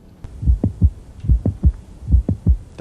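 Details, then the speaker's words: Mid-systolic click heard at the apex with the stethoscope diaphragm: regular heartbeat near 68 a minute with a sharp extra click between the first and second sounds, a finding usually due to mitral valve prolapse, often from myxomatous degeneration. "now this mid-systolic click is usually due to something called mitral prolapse often due to mix um buddhist degeneration of the mitral valve"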